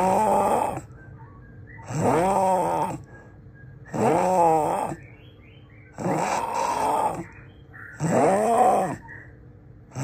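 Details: Very loud snoring, called the loudest in the world: harsh, groaning snores on each breath, about five in ten seconds, with quiet gaps between them.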